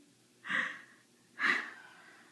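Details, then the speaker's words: Hiccups in an adult man (a father): two abrupt, short voiced catches about a second apart, each a sudden gulp of air cut off sharply, typical of hiccups. "do you want daddy to hick up forever"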